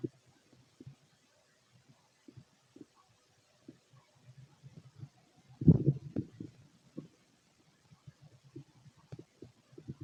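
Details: Fit male's bowel sounds on an empty stomach: soft, scattered low gurgles and clicks with one louder rumble, showing sparse stomach activity.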